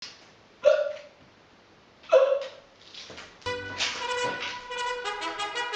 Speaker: And so you have the hiccups. Don't worry, man. I know how to help you.